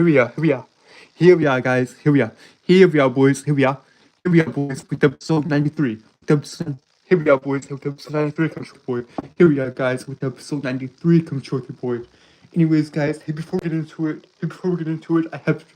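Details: Stuttering in a male who reports a speech impediment that causes him to stutter and trip over his words.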